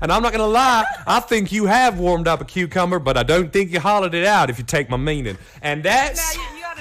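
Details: Adult male speaker; normal speech.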